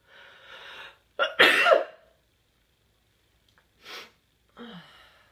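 A breathy intake, then a sharp explosive sneeze, with softer breaths and sounds after it; a single ordinary sneeze.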